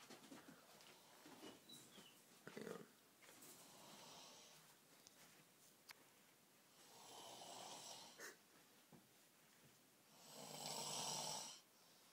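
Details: Dad snoring really loud during sleep: loud rattling snores with harsh, wheezy breaths between quieter pauses.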